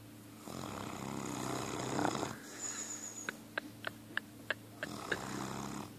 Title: REAL MASTINO SNORING CAUGHT ON TAPE! MASZTIFF IGAZI HORKOLÁS!